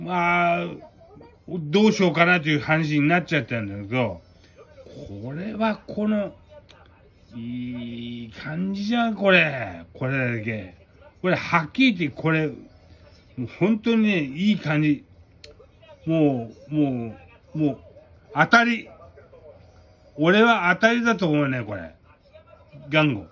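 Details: Speaker with aphasia and hemiplegia after a cerebral hemorrhage; aphasia.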